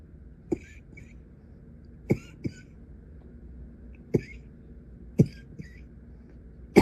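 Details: Persistent night-time coughing fit, young woman coughing with face muffled into a pillow: short single and paired coughs, about six in seven seconds, in a quiet room.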